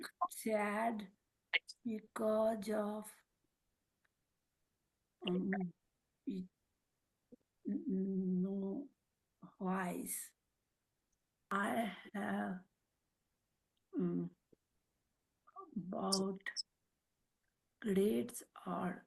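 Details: Woman, a mother, with aphasia and apraxia of speech after a stroke at age 45; speaks Marathi, Hindi and English, with words sometimes coming out mixed; aphasia with apraxia of speech.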